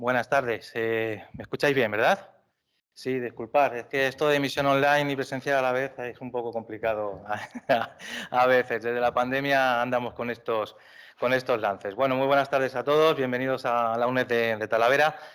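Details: Adult man speaking Spanish; typical speech.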